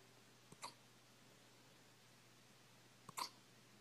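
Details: Hiccups in a puppy, stopped when a heater turned on and startled him: two soft, abrupt hiccups about two and a half seconds apart over quiet room hum, phone recording.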